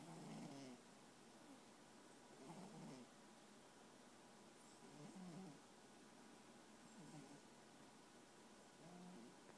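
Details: Soft, wheezy snoring from a female sleeper, about every two to three seconds, faint against steady background hiss.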